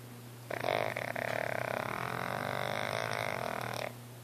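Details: Heavy snoring during a nap: one long, loud, buzzing, rattling snore of about three seconds over a steady low hum.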